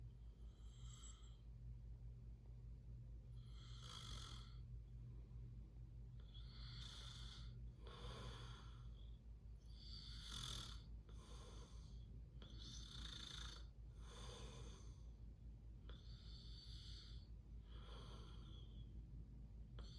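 Repeated soft, noisy breathing sounds over a steady low hum, an uneven sleeping snore pattern.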